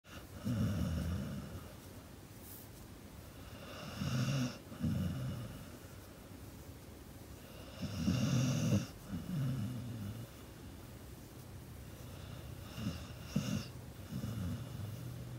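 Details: Sleeping pit bull dog snoring: low rumbling snores in irregular bursts, several per breath cycle; ordinary snoring.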